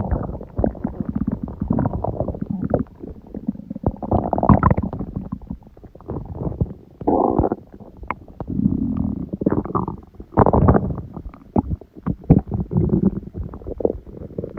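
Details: Long, loud gurgling and rumbling stomach sounds in repeated waves (borborygmi), recorded around 1:30 am after waking, following too much udon at 19:30; the person suspects the stomach reacted to gluten after a long break.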